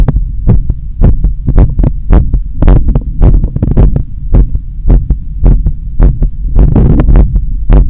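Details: Heart sounds recorded at the chest apex after a long run in summer heat, with a strong visible carotid pulse in the neck: sinus tachycardia after exercise.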